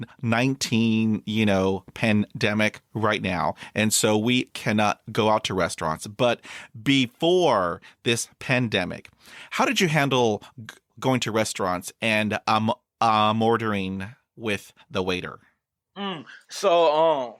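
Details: Stuttering in an adult man with blocks accompanied by eye closing and arm movements; he uses tapping to get out of blocks.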